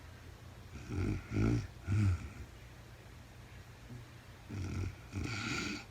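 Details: Real-time recording of a woman sleeping, very tired, no talking: soft, low, rough snoring noises in short groups with quiet pauses between; light snoring during sleep.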